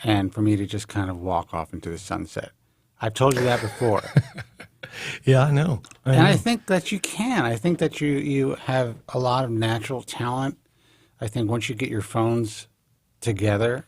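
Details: Adult man, conversational speech; normal voice.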